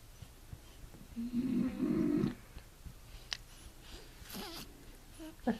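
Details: Male dog, which the owner says has hiccups, makes a low, rattling snore-like breath lasting about a second, followed by quiet room noise and small movement sounds; snoring.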